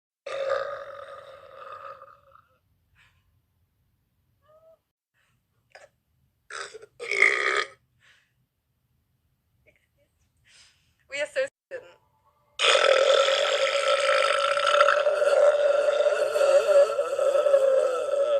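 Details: Belching after drinking a lot of liquid: a short belch, a few faint throat sounds, then a long, drawn-out, loud burp in a quiet room; ordinary burping.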